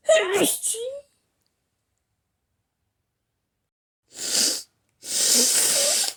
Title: Violent hayfever sneezes